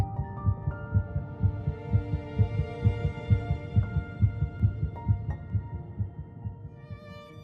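Rapid, regular whooshing thumps at about 130 a minute with soft music behind; a fetal heartbeat.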